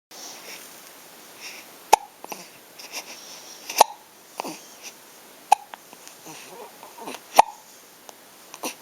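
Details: Hiccups in a babbling young child: sharp, sudden hiccups about every two seconds, roughly 30 a minute, with soft babbling and room noise between them.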